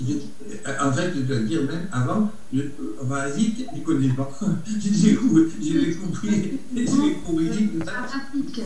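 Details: Adult man, aphasic for a little over a year after stroke, who says he speaks very badly; Broca's aphasia.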